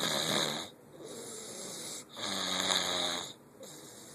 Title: The snore